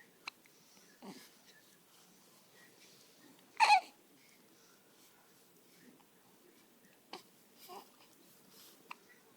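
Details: One-day-old newborn baby with hiccups in the evening: brief, abrupt catch sounds at irregular intervals with small vocal noises, no wheeze evident.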